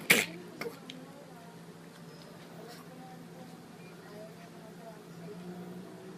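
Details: Dog sneezes while sniffing K-pups: a single sharp, explosive sneeze followed by a couple of faint snorts, then a quiet room with a steady low hum.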